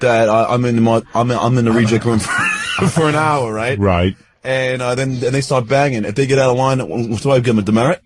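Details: Adult man, born 1965, who has stuttered since second grade, with word repetitions; stuttering.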